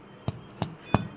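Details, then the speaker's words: Chronic smoker with a massive pleural effusion and suspected malignancy or tuberculosis: finger percussion gives three hollow, resonant taps, a tympanic note over the hyperinflated lung, in contrast to stony dullness over the fluid side. "Tympanic node is there. Tympanic node."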